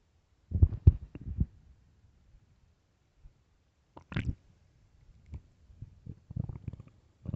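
Low, irregular gurgles and rumbles in short bursts: ordinary stomach growling.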